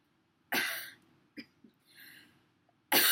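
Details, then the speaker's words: Irritative cough from smoking a harsh joint that makes the throat clench: two loud, harsh cough bursts separated by quieter throat sounds and a breath. "the coughing that's just part of being a toga just comes along with it"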